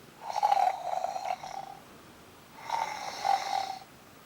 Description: Little Munchkin can barely get a wink of sleep due to Fluffy Bear's incessant snoring